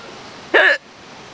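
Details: Hiccups that lasted all day, recorded outdoors at a lakeside beach: a single loud, abrupt voiced gulp, the sudden catch of a hiccup, against quiet outdoor background noise.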